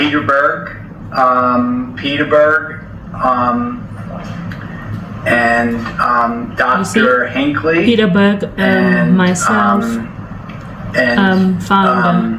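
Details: Mild Broca's aphasia in a man seven years after a stroke: non-fluent, telegraphic speech giving main words without joining words, with the interviewer filling in sentences; comprehension intact but speech production a struggle.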